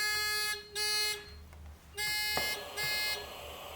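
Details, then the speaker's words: Function check of a MEDUMAT Standard a emergency ventilator with the patient valve left open: repeating high electronic alarm tones in bursts after two breaths, the disconnection alarm. "and after two breaths one [Music] two i will see my disconnection alarm so this test is also okay"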